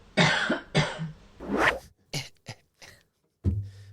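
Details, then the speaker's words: Adult, sick, recorded at night in the bedroom by a sleep-sound app: a run of several short, fairly soft coughs. "Cuz your cough is like it's a hacking cough. It's so loud. It is the loudest cough I've ever heard."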